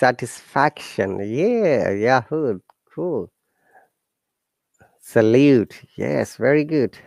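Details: Adult speaker; normal speech.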